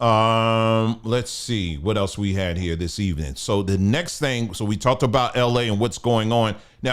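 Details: Adult man speaking; ordinary speech.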